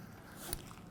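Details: Quiet room noise, a soft click, then one clear electronic beep from a ZOLL AED Pro CPR metronome during training compressions on a manikin for simulated ventricular fibrillation, compression depth 5–6 cm.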